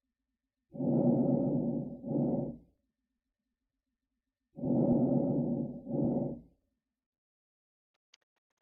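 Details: Two slow, muffled breath cycles at about 16 a minute with soft, low breath sounds and no added noises: diminished lung sounds.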